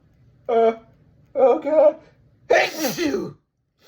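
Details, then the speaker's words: One sneeze in a repeated sneezing bout the person is trying to hold back: two short voiced catches in breath, then a loud explosive sneeze. "Please don't sneeze. Please. Oh. Oh. Oh. Oh. Achoo! I have to sneeze again. I have to sneeze."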